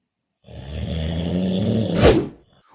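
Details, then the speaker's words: A single snore: one long, rough, rattling breath lasting about two seconds, ending in a louder snort. "Chronic snoring can have serious consequences. Poor sleep can lead to memory problems and trouble concentrating. Heavy snoring has been linked to high blood pressure and heart dis"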